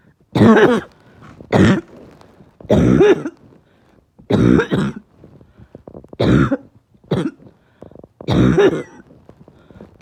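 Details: Barking cough with chest really hurting: six harsh, loud, honking barking cough bursts at roughly even spacing.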